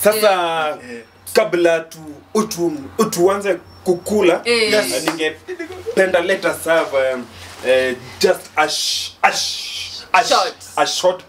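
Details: Man who stammers leading a prayer before a meal in a comedy skit; stuttering (acted).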